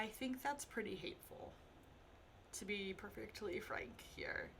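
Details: Adult woman speaking; stuttering.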